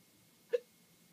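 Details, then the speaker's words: Person with a bad bout of hiccups, rarely gets them, hiccuping whenever trying to talk: a single short, abrupt hiccup sound against a quiet room, a typical hiccup. "go to open my mouth and talk i' Hiccup and then have to repeat myself 20 times took me like five minutes to say a two-word sentence"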